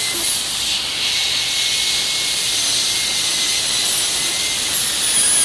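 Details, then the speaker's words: Steady high-pitched whine with hiss of a high-speed dental handpiece cutting lingual depth grooves, about 1 mm deep, on the triangular ridges of a mandibular molar on a dentiform during a full cast gold crown preparation. "After the grooves have been placed in the respective fissures, place one depth cut at the crest of each of the two lingual triangular ridges."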